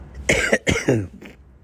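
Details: Three quick, harsh coughs in a row with a throat-clearing quality, in a quiet room. This is an acute cough in a person with the flu who has just taken Theraflu and reports bleeding teeth.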